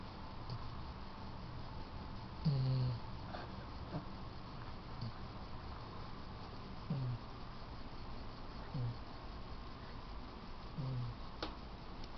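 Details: Female Yellow Labrador asleep at night in the owners' bed: soft, low snorting snores recur every couple of seconds over steady room hum; rattling breath sounds of snoring.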